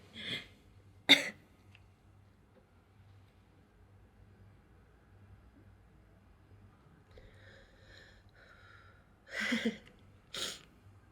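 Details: Four short, sharp, hissy bursts in a quiet room, the sudden explosive air release of sneezing.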